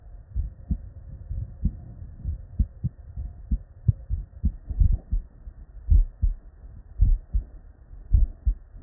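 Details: Real, unedited human heart sounds recorded at the bedside from a patient with normal cardiac physiology: regular lub-dub, crisp first and second sounds, no extra sounds or murmur; normal heart sounds.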